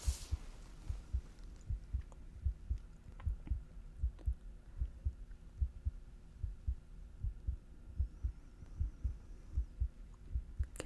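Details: Simulated roleplay chest auscultation during an ENT ear-cleaning exam for ear pressure: steady paired low heartbeat thumps at roughly 75 a minute, normal heart sounds.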